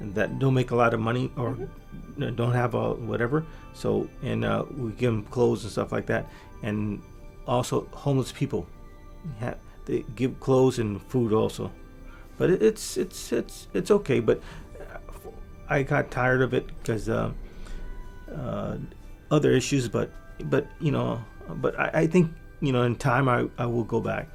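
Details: Adult man with aphasia from a massive stroke about 3 years earlier, recorded before brain training; much language regained but fluency still impaired, with repeated and fragmented words; aphasia.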